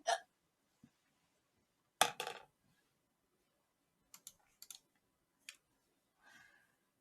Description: Korean girl on Twitch has hiccups